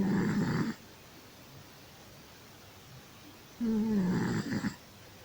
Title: Nouky the snoring cat